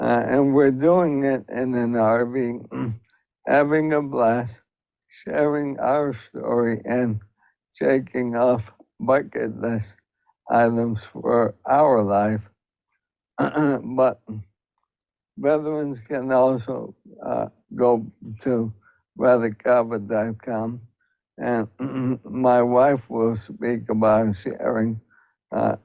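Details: Adult male U.S. Air Force veteran living with ALS, a rapidly progressive neurodegenerative disease, whose wife describes his progression; dysarthria (ALS).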